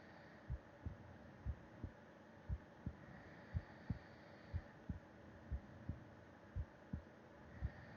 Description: Put your ear against my chest and listen to my heart beat as I sleep, breathing softly and a bit of snoring towards the end.